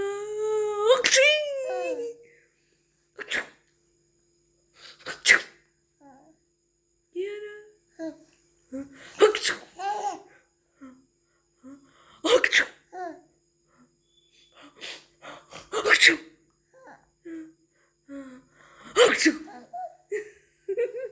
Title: My cute little princess giggles when u sneeze